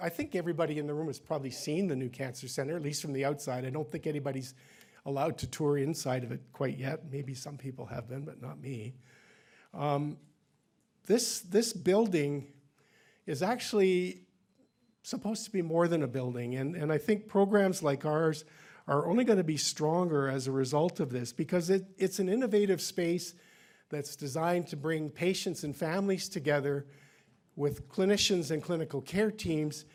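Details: Adult man speaking; normal adult speech.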